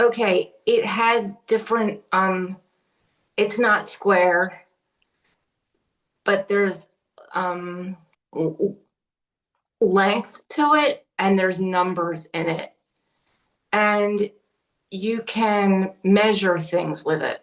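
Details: Adult woman with aphasia after a stroke, describing an object during a word-finding game in an aphasia conversation group; aphasia with word-finding difficulty.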